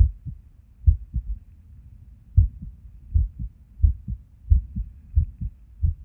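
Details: Resting heart recorded at Erb's point while sitting at a desk, heart often skippy with and without reason: heart sounds about 90 a minute with uneven spacing and pauses where beats drop out; irregular heartbeat with skipped beats.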